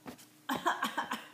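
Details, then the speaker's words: Toddler (one of twins) coughing at home: a quick run of about five short, voiced coughs after a faint first one, while being told to close the mouth when coughing. "are you coughing close your eyes push it up when you have to close your mouth yeah close your mouth"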